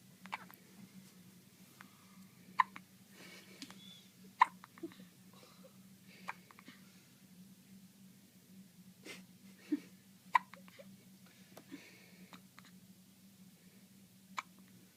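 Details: Hiccups: soft, sharp, irregular hiccup sounds over a steady low room hum, roughly ten a minute.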